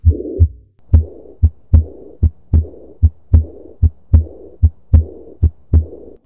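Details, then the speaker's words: Regular heart sounds near 75 a minute with a high-pitched, soft blowing early diastolic murmur after the second sound, heard best at the left sternal border: aortic regurgitation. "and here we have the aortic regurgitation a high pitch an early diastolic murmur heard best at the left sternum border"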